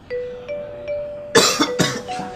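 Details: Staged public-service ad on cough and sneeze etiquette with an actor: soft chime notes, then two or three sharp cough bursts; simulated coughing.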